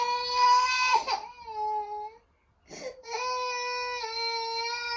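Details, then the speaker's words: Toddler crying on waking from a nap; he cries whenever put down, and the mother believes he is teething. Loud, high-pitched sustained wails with a brief pause for breath; distressed crying. "the second i put him down he just cries he's definitely teething"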